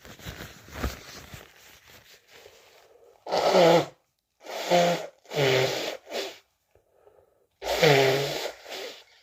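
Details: Four loud, wet, partly muffled sneezes, each with a sharp intake before, with softer sniffing and nose noise between; powerful cold sneezes with a head cold.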